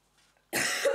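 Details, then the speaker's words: Single abrupt, forceful cough from an unwell adult with a red, sore nose and an affected voice, who warns of occasional coughing, after a brief quiet moment. "e ogni tanto mi sentirete tossire e la voce un po quello che comunque torniamo a noi"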